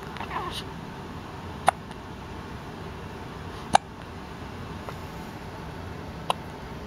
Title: Hiccup Session